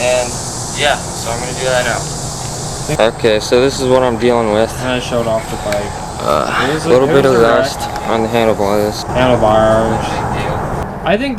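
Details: Adolescent male with rhotacism, unable to pronounce R from middle school until sophomore year of high school; the impediment was later corrected.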